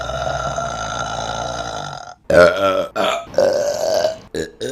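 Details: Burp compilation from March 2022: a long, drawn-out belch followed by several more loud burps in quick succession.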